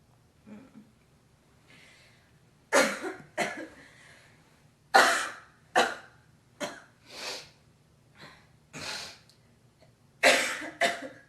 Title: girl coughing hocking loggies